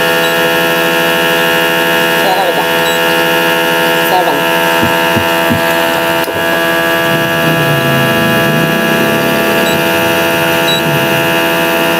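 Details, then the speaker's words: Repaired nebulizer compressor pump (2017 model) after motor overhaul for weak air suction, now running: steady motor hum and buzz with faint room sounds. "So ito na guys. Okay na. Maayos na itong gumagana. So tingnan natin kung yung pag-pump ng motor nito is okay din."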